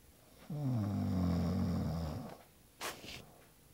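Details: One long, low, rattling snore on the in-breath, then a brief soft noise: ordinary snoring.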